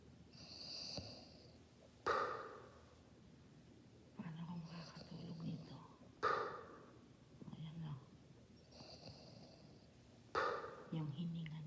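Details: Mother (Nanay) snoring during sleep: rough, fluttering snores on inhalation with breathy exhalations, about 14 breaths a minute, irregular rhythm; snoring.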